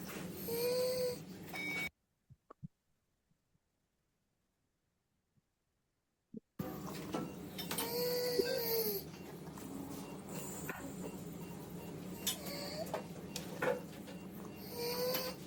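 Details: Stridor caused by a laryngeal foreign body in a child, within a teaching case on paediatric airway obstruction, its diagnosis and surgery; it is presented as stridor that was not asthma.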